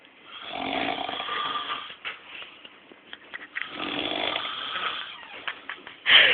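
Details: A father snoring: loud, harsh, rasping snores on long breaths in, two cycles about three seconds apart, with small snorts and clicks between.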